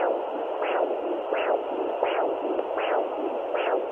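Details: Home fetal Doppler (Sonoline B 3 MHz) at 10 weeks 6 days of pregnancy, probe with gel starting under the belly button: rhythmic whooshes at about 85 a minute over steady hiss, which is the mother's pulse, not the baby's heartbeat.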